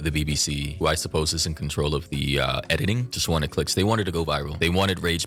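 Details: Adult male speaker; typical speech.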